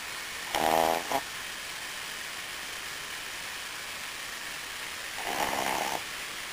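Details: A Brussels Griffon dog asleep in his favorite position makes two snorting, buzzy breath noises a few seconds apart over steady room hiss: snoring in a small flat-faced dog.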